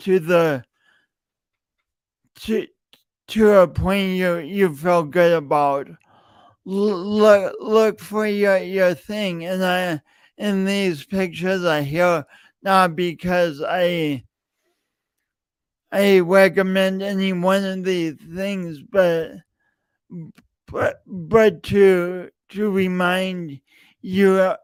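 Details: Real, self-reported speech impediment in an adult male, present for years and heard whenever he speaks; stuttering.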